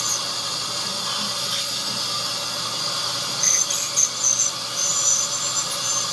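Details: 43-year-old woman at an oral clinic, no cavities found on exam: loud, shrill, high-pitched whine with hissing and squeals that come and go, a dental scaler cleaning her teeth.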